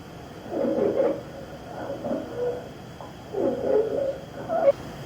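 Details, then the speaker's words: Simulated breath sounds demonstrated by a respiratory therapist as upper airway inflammation: harsh, musical whistling on each breath; stridor. "patience with upper airway inflammation might sound like this"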